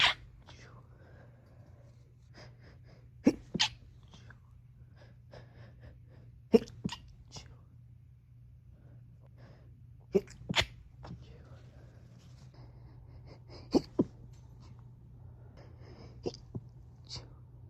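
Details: Stifled sneezes held back while home alone, spaced over a few hours and recorded in several rooms, then joined together: several short, muffled sneezes, each held back into a brief sharp burst, with quiet room noise between.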